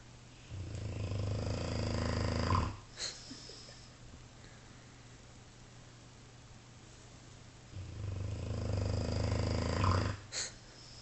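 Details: Dogue de Bordeaux dog: two long, low rattling snores on breathing in, a quiet pause between and a soft sniff after each; snoring.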